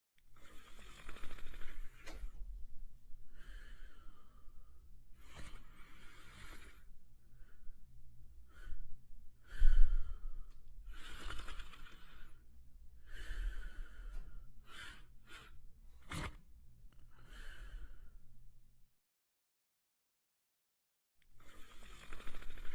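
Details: A sleeping French Spaniel dog snores softly and regularly, roughly 25 to 30 breaths a minute. Snoring.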